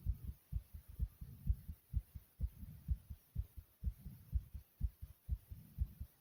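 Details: Person's own heartbeat pounding hard: strong, regular low thumps, fast at about 125 beats a minute, each beat heavy and distinct.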